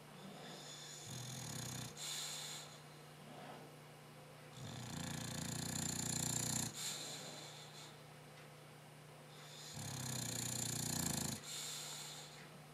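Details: Dog snoring, loud enough to drown out the TV though not his loudest: rhythmic rumbling snores with breathy exhalations, about 5 breaths a minute, over low room hum.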